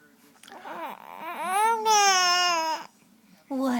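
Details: A baby's short rising and falling fussy cry with whimpers between wails, in a quiet small room; the baby has the hiccups.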